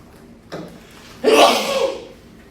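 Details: A person sneezing: a brief indrawn breath, then one loud, explosive sneeze that fades out, in a small room.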